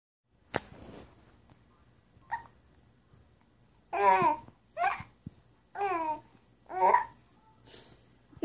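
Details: Baby girl aged three and a half months with hiccups, also making talking sounds: infant hiccups.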